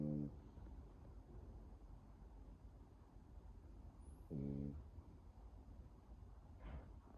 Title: 프렌치불독 강아지 코골이 French bulldog snoring